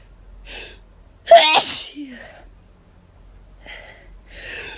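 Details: Hay fever sufferer out of medication, itchy at the start of a rapid sneezing run; a brief breath intake, a sharp forceful sneeze burst, then soft breathing.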